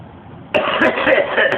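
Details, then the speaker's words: After a brief quiet moment, an older man with 55 years of smoking gives a harsh, rough, sustained cough lasting about a second: a chronic smoker's cough. "probably the craziest cough I've ever heard really yeah funny 55 years of smoke give you cough too man"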